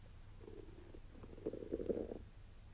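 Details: Bowel sounds while digesting a Wagyu steak: low gurgling stomach rumbles in two bursts, ordinary digestion after a meal.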